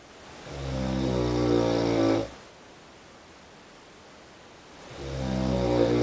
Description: next room's snorings in an hong kong hotel